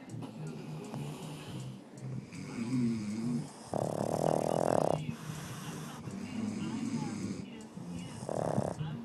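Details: Rough, rattling snores with low snorting breaths between louder bursts from Yoda, a sleeping pug: snoring.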